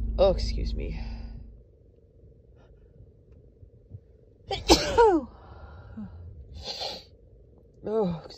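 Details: Compilation of a woman's repeated allergy sneezes over about a week, mostly brought on by dust allergies; mostly single sneezes with one or two doubles, sharp and explosive with a breathy lead-in, separated by pauses; sneezing.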